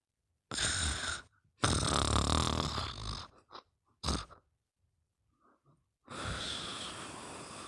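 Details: Snoring during sleep: loud, harsh, rasping breaths separated by pauses.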